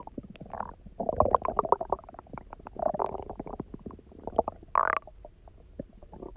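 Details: Loud, resonant gurgling, bubbling stomach rumbles with squeaky pops after nearly 24 hours without food, then drinking a lot of water and lying on the side; empty-stomach borborygmi.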